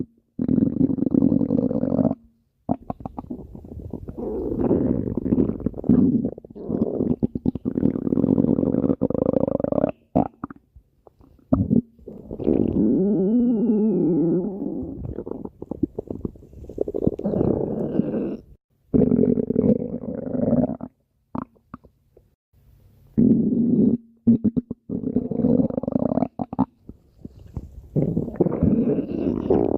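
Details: Long rumbling, gurgling gut sounds with shifting pitch, separated by brief silences: ordinary stomach growling (borborygmi).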